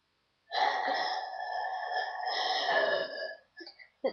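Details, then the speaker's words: One long, loud, drawn-out voiced burp lasting about three seconds, followed by brief small sounds; a deliberate, funny belch, described as smelly. "Hello, I'm going to be making funny burps."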